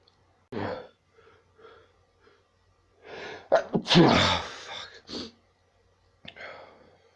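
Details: Repeated sneezing fits, several sneezes in quick succession with sharp intakes of breath between them.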